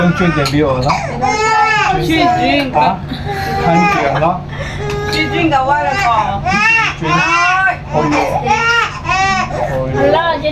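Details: Loud, sustained wailing cries from a 2-month-old infant, rising and falling with short breaths between; soft voices in the background; infant cry.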